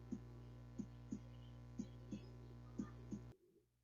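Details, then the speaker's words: Normal, regular lub-dub heart sounds at about 60 a minute over a low electrical hum, played as a normal rhythmic heartbeat in a cardiovascular disease class. "No, no, no, perdón, me equivoqué. Primero el normal, es rítmico."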